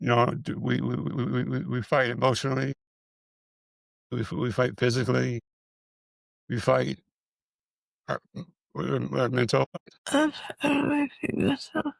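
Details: Man with multiple system atrophy, parkinsonian type (MSA-P), who reports his speech has more of a stutter and tremor, more noticeable after the first two minutes; hypokinetic-ataxic dysarthria with stutter-like repetitions.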